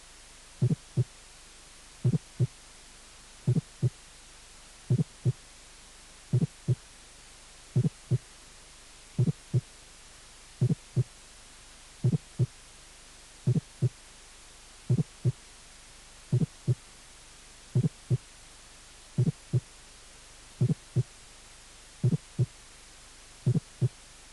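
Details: Fourth heart sound (S4), a teaching recording from a cardiac auscultation course.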